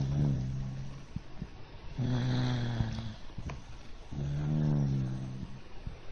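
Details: A pet dog sleeping on its back, resting on the owner's arm as a pillow, snores: three low, rumbling, buzzy snores at regular intervals, about 27 a minute.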